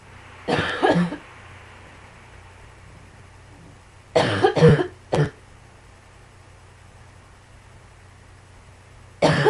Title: Some more coughing